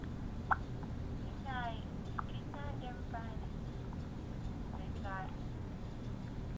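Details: Baby awake at 2am with hiccups: babbling and cooing broken by two sharp, brief catches in the voice; recorded on a phone, poor quality.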